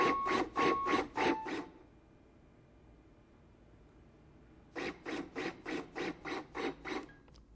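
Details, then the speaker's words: LUCAS 2 mechanical CPR device in 30:2 mode during in-service training: rhythmic compression strokes about 100 a minute with short alert tones, then a three-second pause for two ventilations, then compressions resume. "active 30: 2 does 30 compressions then pauses three seconds so you can give two ventilations again there's an LED to prompt you and also an audio signal that alerts"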